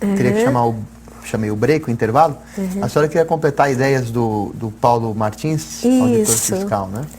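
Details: Adult speaker, Portuguese, indoors; normal fluent speech.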